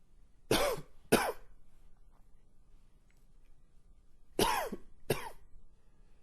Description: Long and wheezy coughing fit.